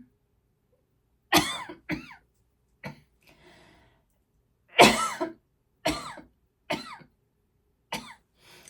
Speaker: Sorry about the coughing, guys. It's asthma. Something in here I'm allergic to. Makes my asthma worse.